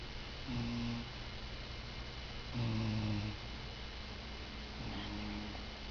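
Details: Soft humming snores with each slow breath, about three over six seconds, over steady room noise; snoring is hard to hear. Snoring.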